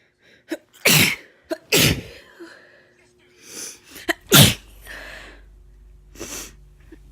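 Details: Adult with a lingering illness of unknown cause: three forceful, wet-sounding sneezes, each preceded by short indrawn breaths.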